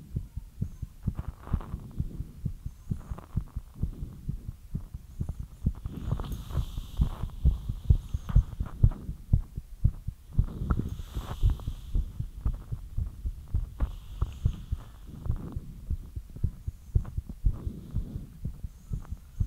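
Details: Fast heartbeat after light exercise: rapid, deep thuds at roughly 120 to 130 beats a minute with faint breathing behind.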